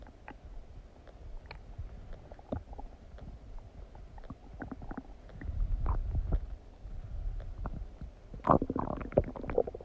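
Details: Stomach digesting noises after eating donuts: bowel sounds (borborygmi).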